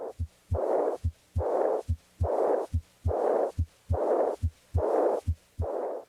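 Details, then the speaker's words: Aortic regurgitation: regular heart sounds about 71/min, each followed by a high-pitched, soft, blowing decrescendo diastolic murmur; diaphragm at left second interspace down the left sternal border, breath held after exhaling. "listen at the left second interspace and down the left sternal border to the apex for the high-pitched soft blowing decrescendo diastolic murmur of aortic regurgitation"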